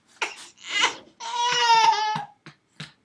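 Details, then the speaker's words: Three-month-old baby boy crying hard and not soothed: brief fussing, then one sustained high-pitched cry and soft whimpers. "it does not work right away sometimes they do just keep on crying but hang in there"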